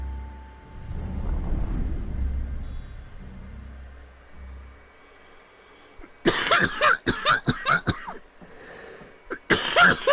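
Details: Man streaming a video game with soft game music: a quiet stretch, then a quick burst of several harsh coughs and a final cough near the end.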